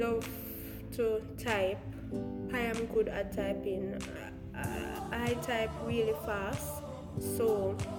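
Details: Woman who calls herself a Jamaican stutterer, speaking about her own stammer; stuttering.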